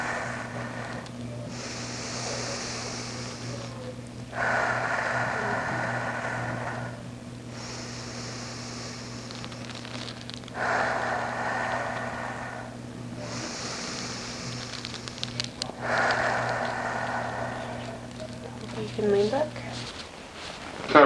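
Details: Lung sounds auscultated with a stethoscope over the upper right back of a female patient taking deep breaths during a virtual hospitalist exam; labelled as breath sounds in pneumonia.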